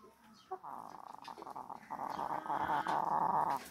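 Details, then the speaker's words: Chicken with coryza alone, heard snoring: a rough, rattling, snore-like sound with rapid fluttering pulses, the snoring respiratory rales of infectious coryza. "Kwa hiyo ukiangalia kutoka huku juu akiwa na mafua pekee yake unakuta kwamba kama huyu unaskia anakoroma."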